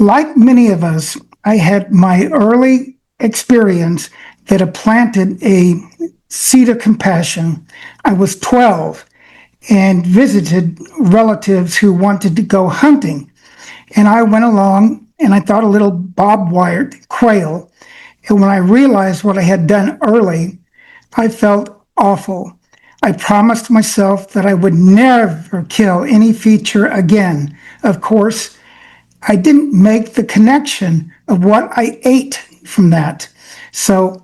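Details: Adult man with self-reported aphasia affecting his brain's language centers, making speaking harder and limiting his access to words, so he reads prepared remarks; aphasia.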